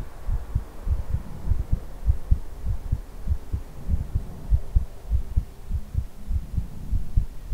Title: ASMR hugging your head - heartbeat with ear blowing ❤️